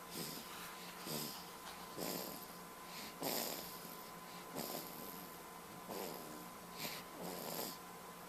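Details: Soft, snuffly snoring breaths repeating about every 1.3 seconds, roughly 45 a minute, with a faint steady hum behind, recorded with a Flip Video camcorder; snoring.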